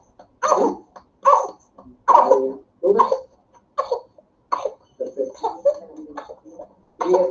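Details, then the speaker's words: About nine harsh coughs in closely spaced bursts, a paroxysmal coughing fit of whooping cough (pertussis, Bordetella, "hundred-day cough"), used as a teaching example. "Bueno, chicos, eh es bastante gráfico, creo que no se necesita mucha explicación. de la tos de los 100 días, así se llama, a la verdadera bordetela, pertusis"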